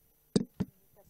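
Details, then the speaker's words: Chest percussion demonstrated in a pulmonary examination: tapping gives a sonorous note over hollow areas and a dull note over solid areas, helping detect fluid or air around the lung. "sur un endroit un endroit creux comme le droit que ça fait un bruit sonore et si vous tapez sur un endroit un endroit plein ça fait un bruit mat c'est pareil ça il faut avoir un peu l'oreille mais ça vous permet de savoir s'il ya de l'eau ou de l'air autour du poumon"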